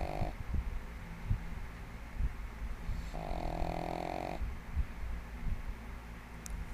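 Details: Female pug, 1½ years old, sleeping soundly and snoring loudly like a human: a low rumbling snore with a longer voiced snort over steady background noise.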